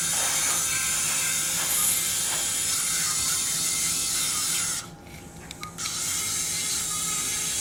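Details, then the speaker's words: High-pitched whirring of a surgical drill with a diamond bur, with brief pauses and faint music, drilling ear canal bone near the TM joint during transcanal revision tympanoplasty for severe lateralized tympanic membrane after previous surgeries. "okay all right so now I will drill Out the Bone [Music] here PR and as usually you can see I'm using a Diamond D bur I don't like to use a cting bur takes more time but I think it is safer"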